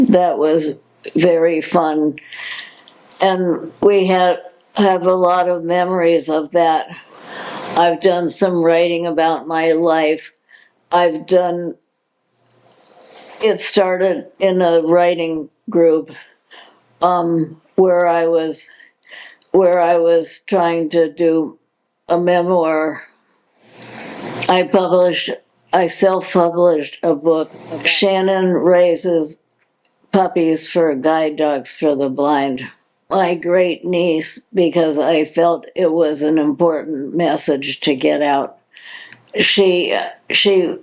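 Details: Adult woman diagnosed in 2020 with progressive supranuclear palsy, a progressive neurological disease with no cure: hypokinetic-spastic dysarthria with word repetitions (progressive supranuclear palsy).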